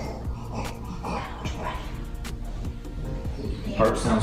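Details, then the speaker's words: Stertor in an American Bully (bulldog) at a vet check-up: rapid, low, rattling snoring-type breaths from an overly long soft palate, with background music. "great you know like every Bulldog everywhere he's got stirrer which is the snoring sound but I'd never throw away that sound comes from their soft palate it's just too long for their throat"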